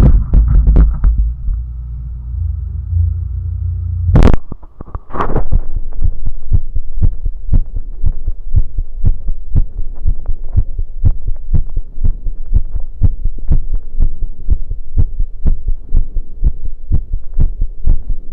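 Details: Heartbeat recorded after running: fast, steady low thumping at about 120 beats a minute, normal heart sounds quickened by exercise.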